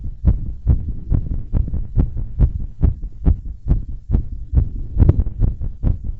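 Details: Heartbeat recorded after bouncing around and while blowing up a balloon: strong, pounding, regular beats at about 140 a minute; normal heart sounds, fast rate after exertion.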